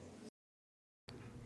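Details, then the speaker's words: Patient with a left ventricular assist device (LVAD), typically lacking a strong pulse: heart sounds not audible, replaced by a steady low mechanical hum with a brief silent break, the LVAD hum. "You cannot really hear the heart sounds. So, you just hear what we call a hum. So, we call it an LVAD hum. You hear a hum."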